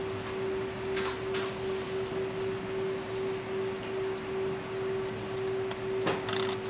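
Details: High-speed dental handpiece (NSK-style) running: steady, even motor whine with a few faint clicks over quiet room noise.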